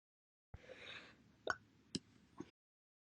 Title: 8/3/21, Quiet, Loud, Slow, Second Hiccups on my Hiccup Day